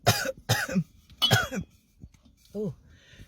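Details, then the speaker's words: An adult gives three quick, harsh coughs, imitating coughing as a possible sign of dysphagia (swallowing difficulty). "um dysphasia a swallowing difficulty or an impairment of swallowing coughing could be a sign but it's not the only sign"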